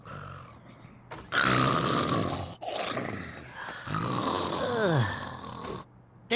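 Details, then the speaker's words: Animated cartoon snoring scene: loud rasping snore breaths with a groaning, falling whistle as a sound effect, with another character telling the snorer to wake up. "Hey, wake up. Come on, you're snoring."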